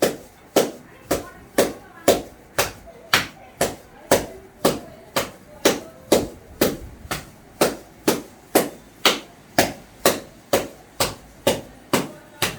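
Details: Cupped-hand chest percussion on the back during physiotherapy chest therapy: steady hollow claps, about two a second, used to loosen phlegm and help clear the cough.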